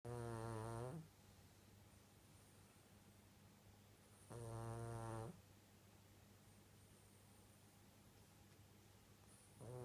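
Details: Loud, regular rumbling snores about every four seconds, roughly 14 a minute, with quiet in between; ordinary snoring during sleep.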